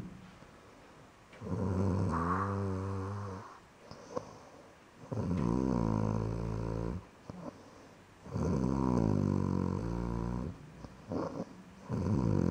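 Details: Loud, rough snores on each breath, about four breaths in twelve seconds, with soft room noise between: snoring in a sleeping pet named Litterbox Brandy that is described as passing out again.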